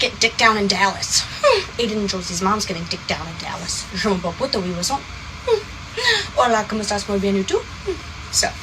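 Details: Adult woman speaking; Tourette syndrome vocal tics (coprolalia).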